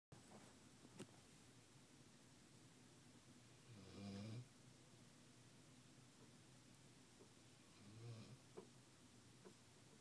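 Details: Snoring in an office: quiet, low snorting snores every few seconds in a quiet room.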